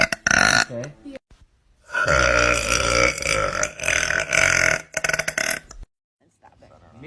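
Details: Girl burping: loud, drawn-out burps with a deep, rattling tone, including one long belch of about three seconds: ordinary belching.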